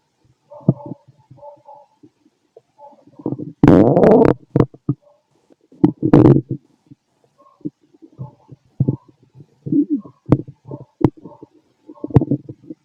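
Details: Fit adult male, stethoscope on the abdomen: gurgling, bubbling rumbles and squeaks in irregular bursts, normal active bowel sounds.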